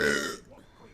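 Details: A single short, loud belch that fades within half a second, from a woman streaming live on Twitch; burping.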